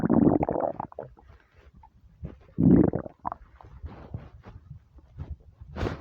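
Loud gurgling and growling abdominal rumbles in bursts, with quieter bubbling between; ordinary hunger-related stomach rumbling.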